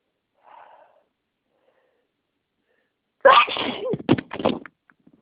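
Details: Person with a cold and sinus congestion, sneeze deliberately triggered by inhaling an allergen after 30 minutes of itching: a faint sound, then one sharp, loud sneeze with a burst and tail, then brief noises.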